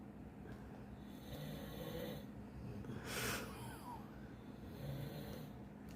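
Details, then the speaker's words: Rhythmic low rattling snores with a brief snort from a sleeping young boy, described as tired and not feeling well, in a quiet room; snoring. "You're the one who said somebody's ass snoring."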